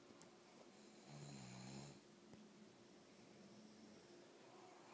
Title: Guess who is snoring?!